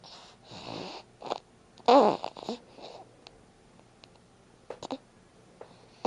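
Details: Baby in her baby carrier: irregular nasal snorts and snuffling breaths with a few short, rough, snore-like sounds in a quiet room; snorting.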